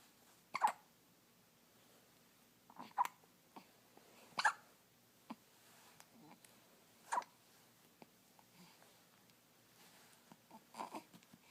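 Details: A baby's first hiccups: brief, sharp hiccup sounds at irregular intervals, about 16 a minute, in a quiet room.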